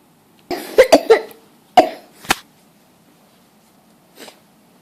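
A quick run of sharp, explosive coughs followed by two more and a faint final one, in a quiet small room: repeated coughing.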